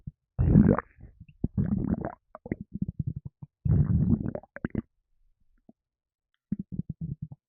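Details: Stomach rumbling in a gassy person: low gurgling rumbles in bursts with short popping runs and pauses; bowel sounds, with burps also mentioned.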